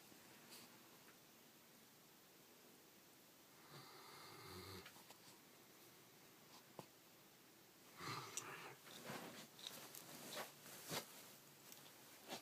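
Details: Irregular rattling, snorting breaths in a quiet room from a sleeping Great Dane; snoring in a large dog.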